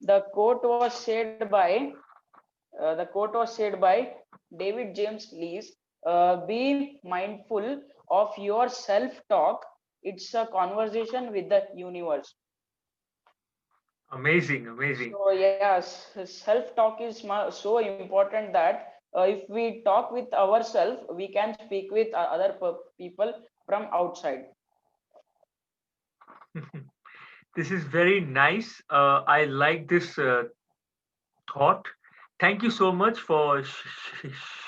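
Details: Stuttering in a 14-year-old Indian schoolboy.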